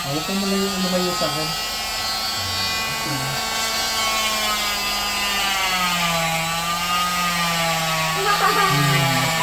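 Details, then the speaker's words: Steady high whining motor buzz with fluttering tone from an oscillating cast saw removing a child's cast, with brief child vocal sounds; the saw vibrates and warms rather than cutting. "Vibration lumayo lumalayo ka doun sa kalalayo nag-vibrate lang siya mm sa init o mainit lang"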